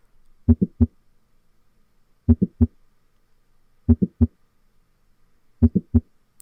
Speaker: so when we listen to mitral valve prolapse we really need to pick up on that late systolic crescendo murmur with the mid systolic click so i'm going to play that for you now this is what mitral valve prolapse sounds like